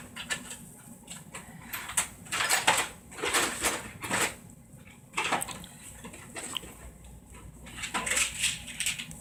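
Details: A baby girl sneezing, caught on camera.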